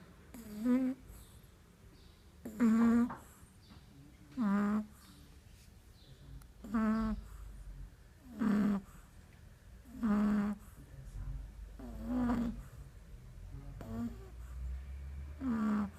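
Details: Six-week-old puppy snoring: regular buzzing, fluttering snores, about eight in sixteen seconds (near 30 a minute), with quiet pauses between.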